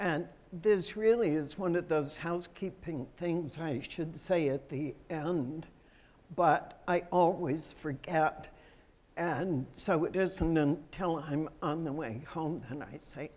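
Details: Adult female with self-reported spasmodic dysphonia, a voice condition that comes and goes; spasmodic dysphonia.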